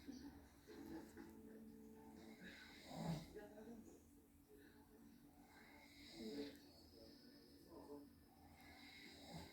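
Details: Rough, rattling snores from a sleeping adult father, about three in ten seconds, with quiet talk in the room; he didn't believe he snored, so he was filmed asleep.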